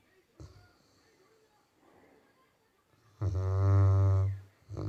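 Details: Labrador that snores a lot, snoring while asleep: faint breathing, then one loud, deep, rumbling snore on the in-breath lasting about a second, with another starting; typical snoring.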